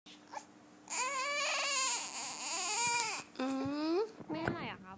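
Loud, tonal, wavering crying in long wails with brief catches between them. An infant crying.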